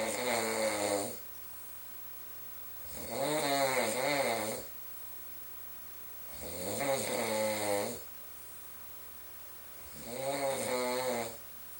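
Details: Loud, droning, vibrating snores on each inhalation, about 18 a minute, fairly regular, from a sleeping boyfriend, heard all night and disturbing his partner's sleep; snoring.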